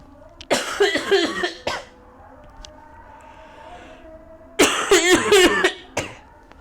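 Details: Adult female lecturer coughing during a calculus lesson: two clusters of short, harsh cough bursts separated by a few seconds of quiet room noise.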